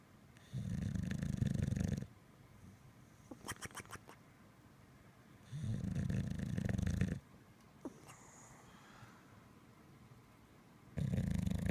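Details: Winston, a bulldog in deep sleep, snoring: deep rumbling snores about every five seconds, roughly twelve a minute, with quiet gaps and small snuffles.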